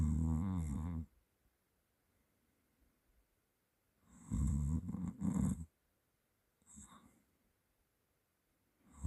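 Low rattling snores with each in-breath separated by quiet pauses, about 14 per minute and somewhat irregular.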